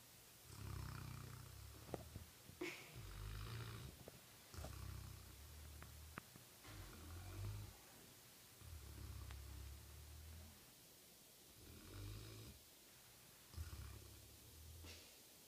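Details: Loud snoring during sleep: deep, rumbling snores with a rough fluttering quality, recurring with each slow breath at about six to seven a minute.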